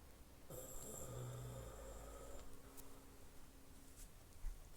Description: I was walking to my room when I heard my grandfather snoring!!!!!!!!